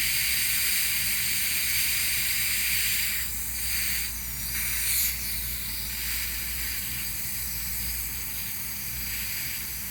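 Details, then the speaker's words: Steady high hiss of suction with a constant faint beeping tone from a dental soft-tissue laser during tongue-tie release in a 6-year-old girl with moderate anterior tongue tie, treated for a speech impediment. "it's gonna make a beeping noise and it's gonna feel a little warm it's not supposed to be burning or hurting if I do anything that hurts you or burns you you raise this left hand for me so I can see and I stop for you okay"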